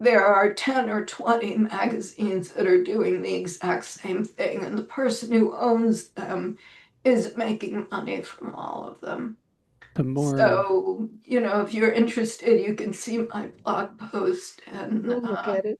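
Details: Adult woman with self-reported spasmodic dysphonia, which she says causes her voice to sound this way; severity varies day to day, and she describes this as not a particularly good day; spasmodic dysphonia.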